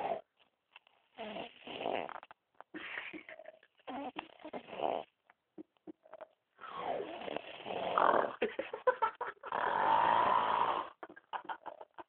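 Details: Heavy snoring: loud, uneven rasping snores broken by choppy gaps, the longest near the end.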